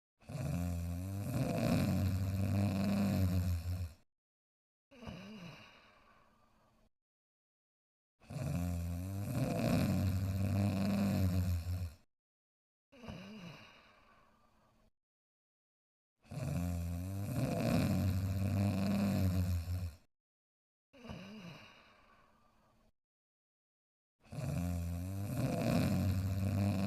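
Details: A dog sleeping soundly snores in slow, regular cycles of a long rumbling inhale and a shorter, softer exhale.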